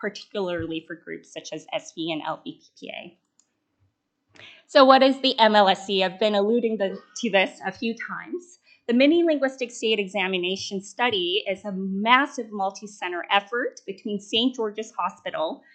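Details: Adult speaker; normal speech.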